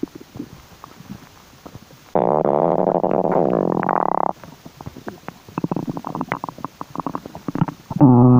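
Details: Stomach rumbling, possibly from hunger: a loud drawn-out tummy growl with shifting pitch, then bursts of gurgles and clicks, ending in another growl.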